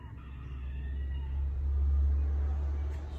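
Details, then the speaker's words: Normal bowel sounds heard by stethoscope auscultation of the abdomen over one minute during a nursing physical exam: a continuous low rumbling. "Suaranya seperti gemuruh."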